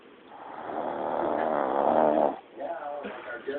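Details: Snoring in a tired woman: one long, buzzy, vibrating inhaled snore followed by a softer rattling breath.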